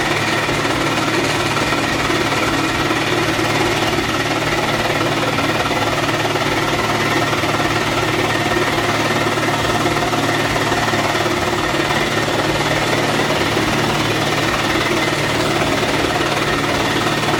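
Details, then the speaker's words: Loud, fast mechanical pulsing, about 220 beats a minute, from a Hillrom Monarch high-frequency chest wall oscillation vest worn by a person with cystic fibrosis during airway clearance, shaking the chest to loosen mucus. "I use Hillroam's products, so the vest, the monarch. It's what I've always used. So this is gonna get a little loud, so I'm gonna try to speak loudly."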